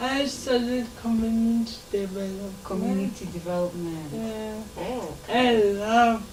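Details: Adult woman with lifelong cerebral palsy affecting her speech; dysarthria (cerebral palsy).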